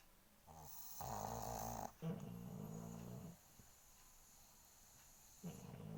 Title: pug dog snoring sound